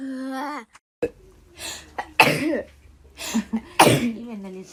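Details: Person who sneezes very often, and doesn't think it's allergies, just woke up: brief voiced sounds, then two loud, explosive sneeze bursts with short gasps between; ordinary sneezing.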